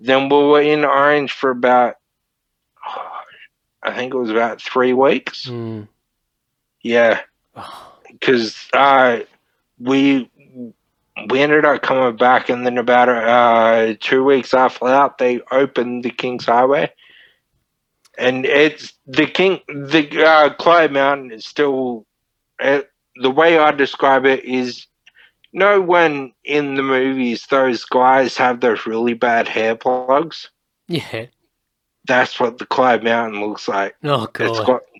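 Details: Man, 31, with Friedreich's ataxia diagnosed at 14, a neurodegenerative disorder; he reports slurred speech and word-finding struggles as part of the disorder; finding: dysarthria (ataxic) in Friedreich's ataxia.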